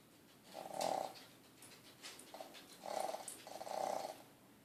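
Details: Sleeping dog in his crate snoring: soft, rhythmic rattling breaths with a throaty buzz on each cycle.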